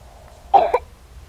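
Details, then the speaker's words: A single short cough from a pediatric patient simulator mannequin in a nursing simulation lab, with faint room hum; simulated, not a real patient. "this manikin speaks and cries the children are able to cough and"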